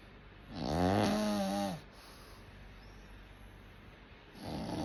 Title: Snoring 😴 away 😊